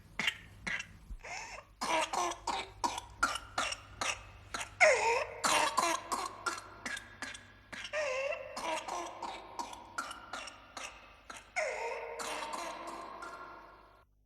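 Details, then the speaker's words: Whooping cough (pertussis) in a child, from a 1986 public immunisation advertisement: rapid runs of short coughs broken by drawn-out, high-pitched whooping in-breaths, paroxysmal pattern. "hooping cough is a disease that spreads easily and puts every child under six at risk"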